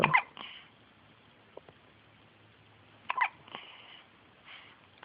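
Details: Infant boy with hiccups: two brief, sharp catches a few seconds apart, each with a small vocal click, in a quiet room; infant hiccups.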